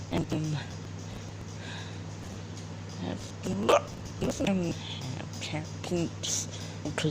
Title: Hiccups 2